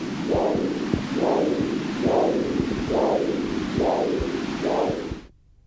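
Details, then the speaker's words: Huntleigh Dopplex handheld Doppler, probe with generous gel on the foot, patient with arterial disease/stenosis: soft, single whooshing pulses about 69 a minute, a monophasic arterial signal unlike the normal foot. "if a patient has some degree of arterial stenosis then the Doppler signal is monophasic can you hear how different this is to the signal we've just heard in the normal foot"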